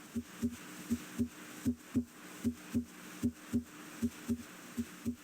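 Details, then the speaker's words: Teaching example of normal heart sounds S1 and S2: S2 from aortic (and pulmonic) valve closure; systole between S1 and S2, diastole between S2 and the next S1, diastole usually longer. "the second sound S2 arises from closure of the aortic valve pulmonic valve closure may also contribute to S2"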